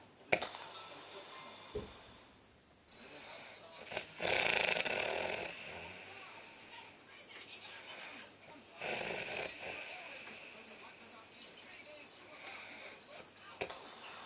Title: My mum snoring